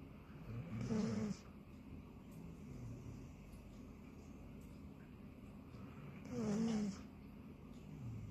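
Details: A sleeping Labradoodle dog gives two rumbling snores about five seconds apart, with quiet breathing and faint room noise between; ordinary snoring in deep sleep.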